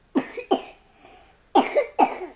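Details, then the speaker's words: Four short, sharp coughs in two pairs with a pause between, from a mother's young daughter who is sick with a cough; the mother calls it a big cough for such a little child. "Oh, such a big cough for such a little Boo-Boo. Yes, this cough is not fun."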